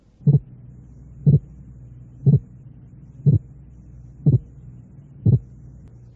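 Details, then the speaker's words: Simulated heart sounds at 60 a minute, part of a series of increasing splits. Each beat is a closely doubled sound split by an interval of 0.08 seconds. "el intervalo de 8 centésimos de [Música] segundo"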